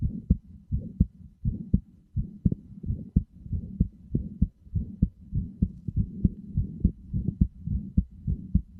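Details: Steady, deep thumping heartbeat at an even pace of roughly 90 beats a minute; heartbeat sounds played as a sleep aid, with headphones recommended.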